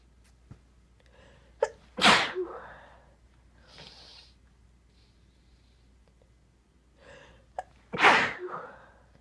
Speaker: Oh man. I still have to sneeze. How is that even possible?